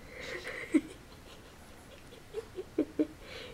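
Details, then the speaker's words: Soft, snorting, snuffly nasal snores in a series of short snorts from a sleeping female Shih Tzu, a flat-faced dog, curled almost in the fetal position; snoring. "spoiled brat that's what you are spoiled spoiled brat around fat lazy shih tzu i'm bothering you you're bothering me with your snoring wake up"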